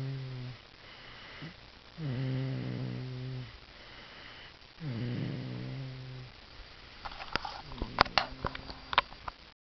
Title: 6 16 09 Choochy Snoring